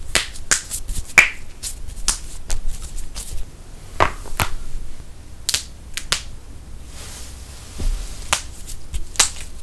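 Repeated sharp, loud pops and cracks, about a dozen in ten seconds, typical of joint cavitation from cracking joints.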